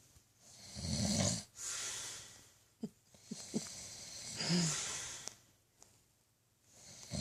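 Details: Male snoring: loud, rough snores with breathy whistling breaths, about 18 breaths a minute, with a few snorts and clicks between.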